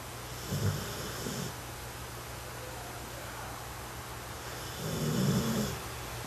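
Two soft, low rumbling snores from a sleeping puppy, separated by quiet breathing, over steady room hum.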